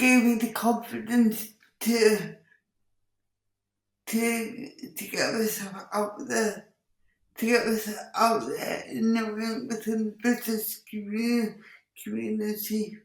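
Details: Dysarthria in an adult woman with cerebral palsy who says her speech is impacted; she also has involuntary movements and uses a wheelchair.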